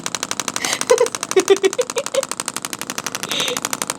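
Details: Radial shockwave therapy on a chiropractor's deltoid trigger point for shoulder pain, red tip, radial pulse mode. Rapid, steady mechanical tapping pulses like a fast rattle over the most sensitive focal spot, with the muscle fasciculating. Patient rates discomfort a little above 6.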